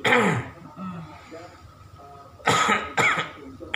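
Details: Nursing student teaching effective cough technique to a male adult patient admitted via emergency with shortness of breath and productive cough with phlegm hard to expel: three forceful cough bursts separated by quieter breathing to bring up phlegm.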